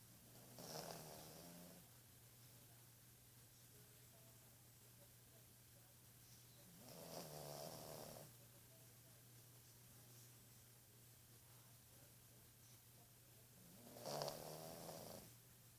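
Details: Sleeping female dog: three slow rattling snores spaced several seconds apart over steady room hum; dog snoring.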